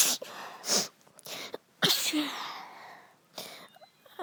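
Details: Two sick sisters sneezing while talking: several forceful sneezes in quick succession, each a sharp burst of air with brief pauses between.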